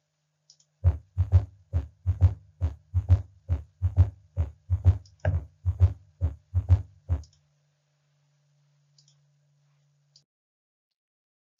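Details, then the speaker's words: Apex, patient in left lateral recumbent position, stethoscope bell: regular rhythm near 68/min with a faint low-pitched extra sound just after S2 in diastole, 'Kentucky' cadence; S3 gallop, as with volume overload such as mitral regurgitation. "you want to listen at the Apex place the patient in the left lateral recumbant position using the bell of the stethoscope the Cadence sounds like Kentucky Kentucky"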